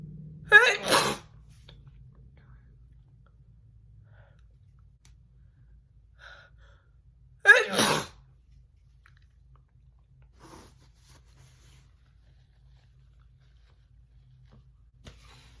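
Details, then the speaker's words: Two sharp, wet-sounding sneezes about seven seconds apart in a quiet room, from a woman deliberately sneezing messily for a personalized sneeze video; sneeze. "um today it's a personalized video and they requested messy sneezing that's what i believe it was"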